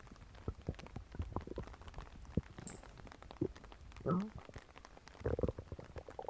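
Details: A person's own stomach grumbling, recorded on purpose: low gurgling rumbles and bubbly squelches from the belly; ordinary stomach growling (borborygmi), a normal digestive sound.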